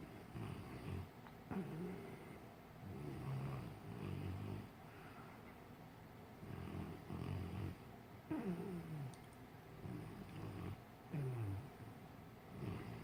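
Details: An English Mastiff dog asleep and dreaming, snoring loudly with low rumbling snores and soft whimpers and squeaks.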